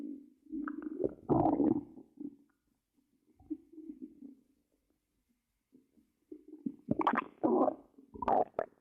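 Low gurgling, rumbling bursts with pauses from the belly; ordinary stomach growling (borborygmi) from gas and fluid moving through the gut.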